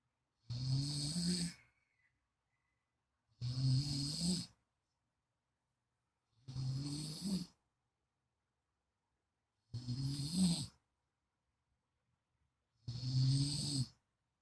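Five steady, low, rumbling snores with quiet gaps between, about 20 breaths a minute; typical adult snoring during sleep.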